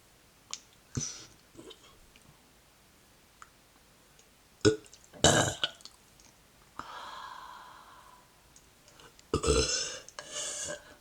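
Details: Repeated burping: several short throaty belches with breathing between them in a quiet room.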